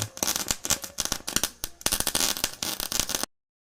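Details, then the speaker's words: Needle burner in a hospital ICU destroying a used needle tip as biomedical waste: rapid crackling, sizzling electrical snaps as the needle point melts to ash. "जैसे ये needle देख सकते हो इसको हम डालेंगे इस मशीन में। तो ये इस तरह वो जल जाएगी।"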